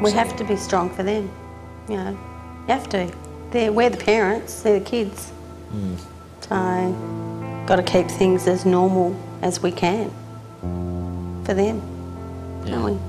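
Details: Adult woman speaking; Normal speech.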